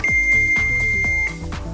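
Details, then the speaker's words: An automated external defibrillator (AED) is switched on after its case is opened during a lay-rescuer CPR training demonstration. A steady high-pitched electronic tone of about one second plays over background music. AED power-on tone. "제품에 따라서 조금씩 다르긴 하지만 이렇게 케이스를 열고 전원을 켜면"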